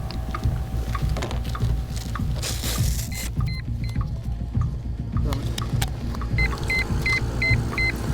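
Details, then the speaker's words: An adult man in cardiac arrest at a golf course, treated by an air ambulance team during intubation: rhythmic mechanical thumping at about 100 a minute from a mechanical chest compression device, with monitor beeps and music. "the team carry a cutting-edge piece of kit that gives mechanical chest compressions and now it's the only thing keeping the patient alive during cardiac arrest"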